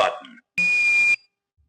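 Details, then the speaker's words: An automated external defibrillator (AED) during a demonstration self-test: the tail of a spoken prompt, then a steady high electronic beep of about half a second between voice instructions. "Self test. In case of emergency, press the green onoff"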